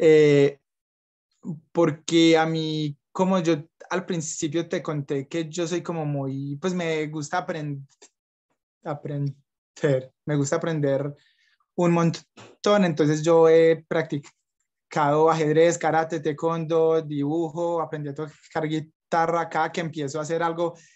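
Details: Young Colombian man who stutters, with blocks and repetitions; stuttering.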